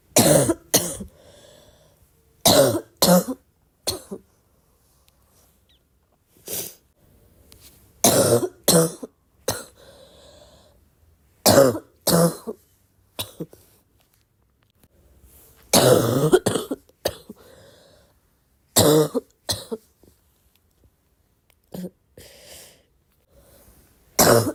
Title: deep barking cough